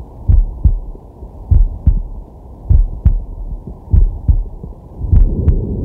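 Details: Man's heart recorded with a digital stethoscope on the chest: steady, deep lub-dub at about 50 a minute with soft breath noise in the background; normal heart sounds.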